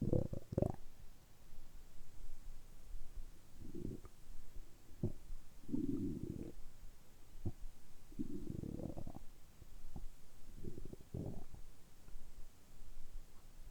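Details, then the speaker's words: Stomach rumbling after about a 12–13 hour light fast: repeated low gurgling rumbles and short pops over about 14 seconds; active, ordinary bowel sounds (borborygmi). "軽いファスティングなので、ゆっくりお腹の音をお聞きしていただければと思います。それでは炭酸水も飲んでいきたいと思います。"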